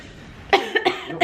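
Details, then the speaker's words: Deliberately faked cough by an adult as a prank: a quick run of three or four throaty coughs. "I'm just going to be doing like a coughing prank on the boys to get their reaction okay y'all ready let's get into it"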